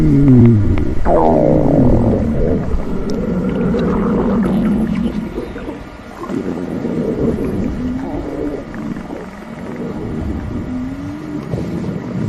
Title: Splendid Stomach Rumbling 💕